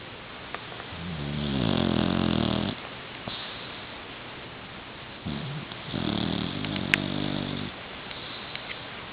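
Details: A 9-month-old Boxer puppy snoring and drooling on a pillow: two long, rough, rattling breath sounds with quiet pauses between them.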